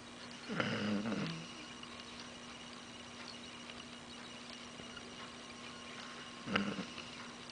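Two rumbling snores from a sleeping dog, about six seconds apart, over a steady background hum.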